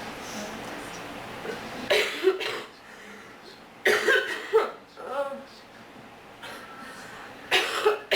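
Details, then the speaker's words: Acted coughing by a speaker complaining of allergies and being sick; a few harsh coughs and throat-clearing bursts over steady room noise; simulated cough. "I wish I had some cough medicine. I'm so sick of being sick."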